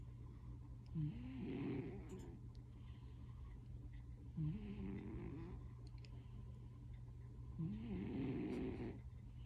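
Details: Loud snoring in a sleeping male cat: three rhythmic snoring breaths about every three to four seconds, each a low rattling snort trailing into a hiss.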